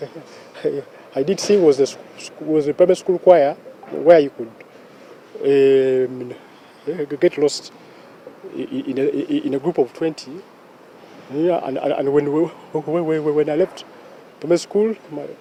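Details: Stuttering in a 44-year-old man who has stammered since childhood and was more fluent when singing; cause unknown, described as largely genetic; stuttering.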